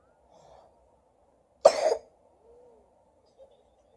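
One sharp, explosive cough from an adult, with faint background noise before and after.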